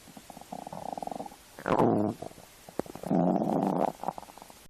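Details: Gurgling, rumbling and buzzing bursts of stomach growling recorded from a person's own belly; ordinary bowel sounds.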